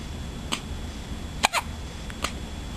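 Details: Hiccups: several short, sharp catching sounds, about four in under three seconds, in a quiet room.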